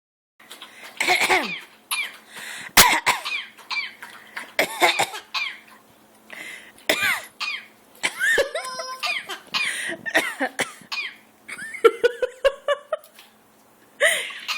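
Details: Newly adopted animal on its fourth day in the home gives repeated short cough-like bursts and throaty hocking, as if clearing its throat, amid squeaky, whistly calls; a couple of sneezes are possible. Cough and throat clearing.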